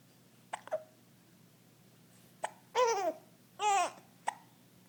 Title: Talking with the hiccups